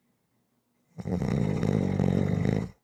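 A single long, loud rattling snore followed by a softer breath out; ordinary snoring.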